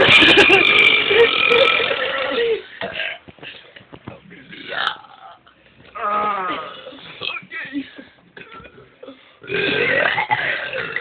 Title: top belching burping